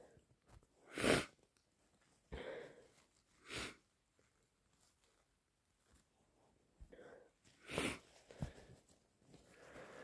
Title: Forceful, wet cold sneezes plus snotty blows